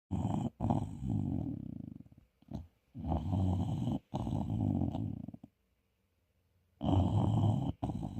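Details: English bulldog puppy snoring: loud, rough, rattling snores in repeated long bursts with short pauses, noisy breathing through the airway.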